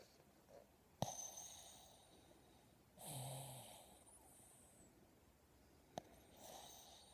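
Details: Soft, wheezy snoring breaths from a sleeping dog, with a raspy inhaled snore in the middle and two sharp clicks; quiet room.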